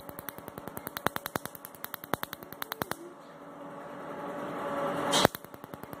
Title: Tattoo Removal in Delhi By MedLite C6 Q-Switched Laser